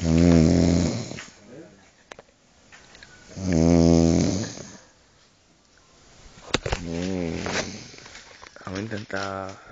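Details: Loud, deep, rattling, growling snores, about 18 a minute, with quiet gaps: a person asleep at 5 a.m. after vomiting, sitting in a chair with the head hanging down.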